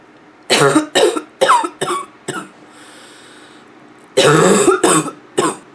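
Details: Nonstop barking cough from a female (f), with a little throat clearing toward the end: about eight harsh, explosive barking coughs in two rapid runs.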